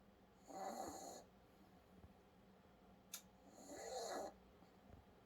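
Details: Soft raspy snoring of a sleeping dog: two breaths about three seconds apart, with a quiet room hum behind; snoring.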